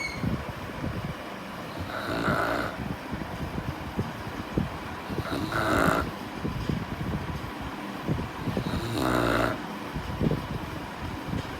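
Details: A tired St. Bernard dog in deep sleep: deep, rough snoring breaths about every three and a half seconds, with clicking background noise; snoring.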